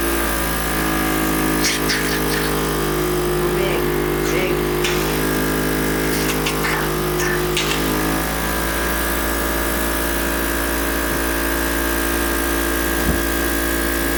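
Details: Mechanical cough assist (insufflation-exsufflation) device in use on a patient: steady motor hum with brief airy bursts early on.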